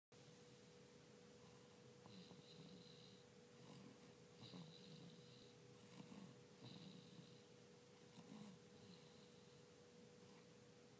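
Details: Soft, regular, low rumbling snoring breaths every couple of seconds over a steady background hum, in a sleeper who has a cough and cold. Quiet snoring.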